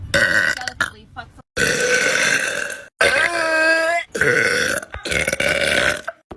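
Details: A girl burping: several long, loud, deep voiced burps in a row with short pauses between them; ordinary burping.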